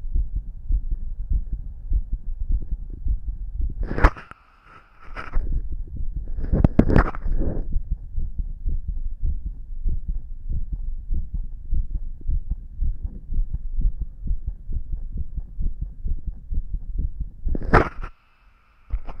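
Low, muffled heartbeat thumps through a stethoscope with rustling noise and a few brief electronic tones.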